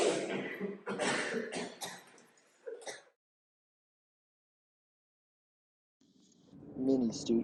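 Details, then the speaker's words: Acted coughing by a college student: an adult coughs and clears the throat in a few harsh bursts, imitating a contagious upper respiratory illness they first thought was just allergies. "Oh my gosh, I think you got me sick too. I'm so sorry. I thought it was just allergies."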